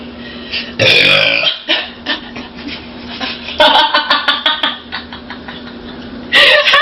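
Two loud, drawn-out belches with gurgling vocal quality, separated by quieter rumbling; steady hum in the background. Burping.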